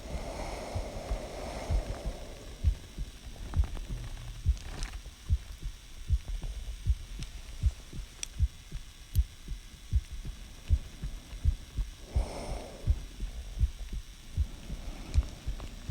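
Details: Person's own heartbeat recorded in detail to check whether the heart sounds healthy: steady low heart thumps at about 78 beats per minute with soft rustling and background hum.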